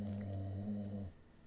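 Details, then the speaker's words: A single low, droning, snore-like grunt lasting about a second from a resting dog, heard in the background; ordinary dog snoring. "You can hear Les grunting and snoring here as he does."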